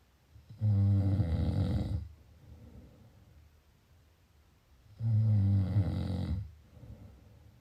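Two loud, low rattling snores on breathing in, each lasting over a second, with quiet breathing out between; ordinary snoring.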